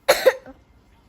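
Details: Two quick harsh cough bursts followed by a softer trailing sound, then quiet; a child's cough.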